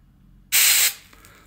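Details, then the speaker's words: One short, sharp hiss under half a second: a quick burst of Tick Tox freezing spray applied through a protective mask to a tick embedded in a young boy's arm. "all you have to do now is apply the nozzle pointing at the tick probably a quick burst of spray"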